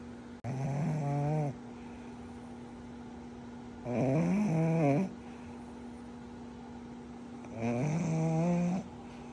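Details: Snoring in a sleeping pug puppy: long, rattly, tonal snores about a second each, roughly 17 a minute, over a steady background hum.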